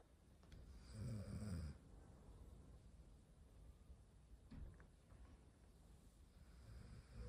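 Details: Snoring from a sleeping Golden Retriever: low rumbling snore bursts, loudest near the start, over quiet room noise.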